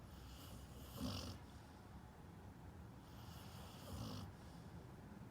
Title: Dog snoring and dreaming